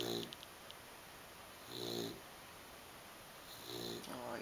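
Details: Foster pet snoring while sleeping: two or three low, buzzing breaths separated by quiet pauses; snoring.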